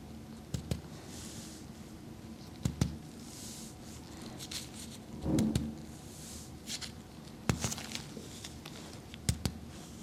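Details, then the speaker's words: Simulated ASMR chiropractic back exam of a female dancer with middle and lower back pain from dance strain: light, sharp paired taps with a reflex hammer down the spine to check reflexes and fluid retention, over a quiet room; reactions normal. "I'm going to be percussing down the spine okay so you're just going to feel a light tapping sensation I'm just judging for normal reflexes to make sure you don't have any EMA and I'm checking for fluid retention here"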